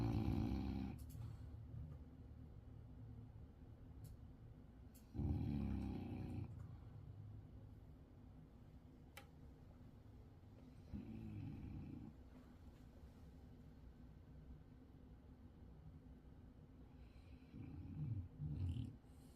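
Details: Snoring in a sleeping French bulldog, growing louder: low, rough, rattling snoring bursts on the in-breath every few seconds over quiet room noise.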